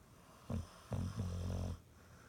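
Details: Low rumbling snore in short bursts, a brief snort then a longer vibrating breath, typical of a sleeping dog; snoring.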